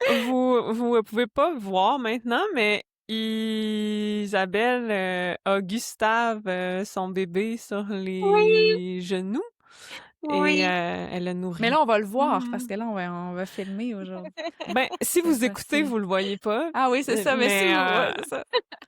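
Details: Adult woman who stutters, a member of a stuttering association; stuttering.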